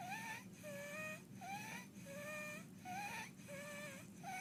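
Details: Inspiratory stridor in an infant with laryngeal dyspnea.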